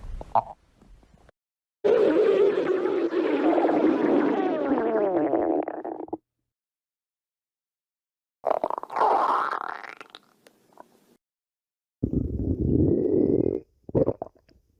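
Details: Long gurgling, rumbling bursts separated by silent gaps; stomach growling, bowel sounds (borborygmi).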